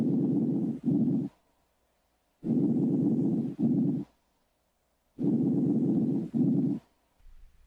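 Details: Normal vesicular breath sounds heard on chest auscultation during a thorax and lung examination of a real patient.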